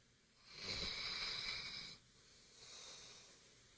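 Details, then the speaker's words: A lazy sleeping dog that snores near constantly gives a loud, rasping, hissy breath followed by a softer second one, a snore described as sounding like a human: snoring. "And she snores near constantly when she's asleep. I recorded it the other day because I was going to put it in an episode. I'll let you hear it. This is her snoring while I'm trying to record."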